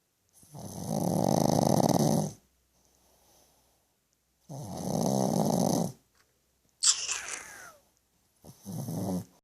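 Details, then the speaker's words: Pug dog sleeping with loud rattling snores in long drawn breaths with silent gaps, plus a brief squeaky snort; flat-faced dog snoring. "Jode, stop your snoring. Stop your snoring."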